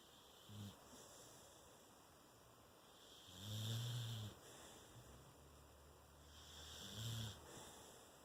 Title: Snoring dog